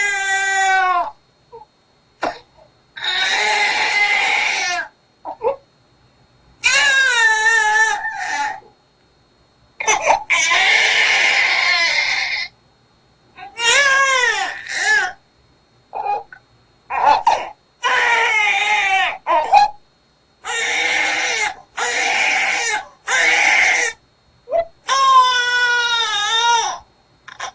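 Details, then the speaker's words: Newborn crying from abdominal pain (colic): bursts of intense, high, strained crying with a harsh, tearing, scratching edge as the baby strains and presses the throat, face turning red. "요게 이제 배알이거든요 1시간 이상 새벽에 우는게"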